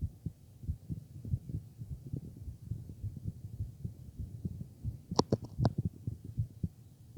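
Repeated low, soft thumps of a heartbeat come through a stethoscope, with a brief burst of scratchy clicks from chest-piece handling near the end. The heart sounds are muffled and the exact rate is hard to count, with no distinct extra sound standing out.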